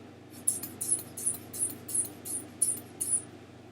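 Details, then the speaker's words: Demonstration of manual blood pressure measurement: hand bulb pump squeezed about nine times with the valve turned fully right (closed), giving rhythmic squeaky puffs as the cuff inflates before reading the gauge. "this pump right here this is going to inflate the cuff as you squeeze it and it has a valve on it right here"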